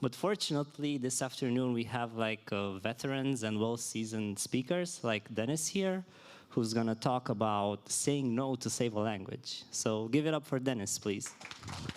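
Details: Adult man speaking; normal voice.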